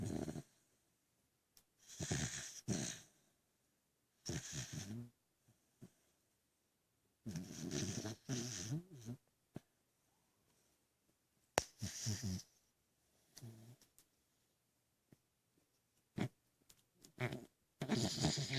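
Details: Irregular bursts of rough, rattling breath noise separated by pauses, from an animal named Zelda; snoring.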